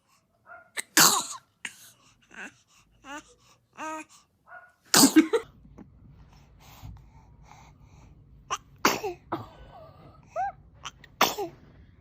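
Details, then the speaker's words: Baby's several sharp, bursting sneezes, separated by small squeaky coos and soft vocal sounds, adult voice briefly in the background. "baby is a dramatic sneezer check oh he caught it bless you"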